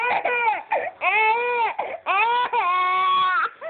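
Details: Infant crawling and fake crying while being coaxed to crawl toward the remote control: short, whiny cry bursts with steady voicing, fussing rather than distressed crying.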